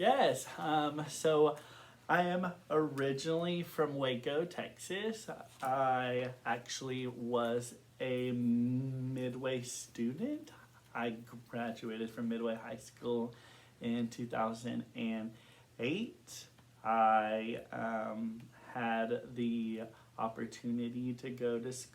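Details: Adult man who has stuttered since kindergarten and reports blocks and severity that varies over time; stuttering.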